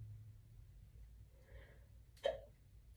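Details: A single short, sharp hiccup over quiet room hum, from someone just woken up with morning hiccups while getting ready for work; involuntary diaphragm spasm.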